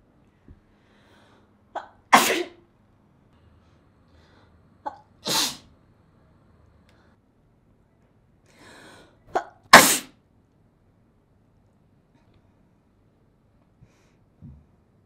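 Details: Three separate spray sneezes from a woman, each preceded by a quick catching inhalation, in a quiet room; sneeze.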